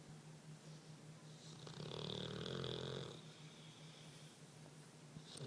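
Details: A dog snoring loudly while asleep: one drawn-out, rattling snore in a quiet room with a steady background hum.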